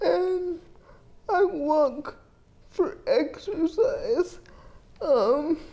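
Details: 30-year-old woman with GMFCS Level 4 cerebral palsy and quadriplegia with an athetoid component, affecting the muscles used for articulation; dysarthria.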